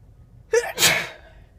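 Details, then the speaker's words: Adult female sneezing while driving in a car, looking for a parking spot: a single sneeze, a short indrawn breath then a sharp, hissing burst out. "Driving around looking for a parking spot. And started sneezing. Sneezing."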